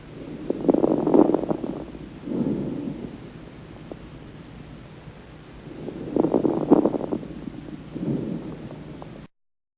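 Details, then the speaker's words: Two slow breaths with brief, fine, velcro-like crackling pops late in inspiration, taught as coming from abrupt opening of alveoli, influenced by gravity and unchanged by coughing; fine crackles. "e são gerados sobretudo pela abertura bruta dos alvéolos uma inspiração só comparado ao som percebido quando se abre o vejo do tipo velcro"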